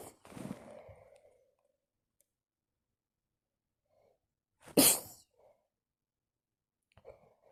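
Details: Sneezing attack in bed at night: two sneezes in a quiet room, the second loud and sharp, with brief breaths between.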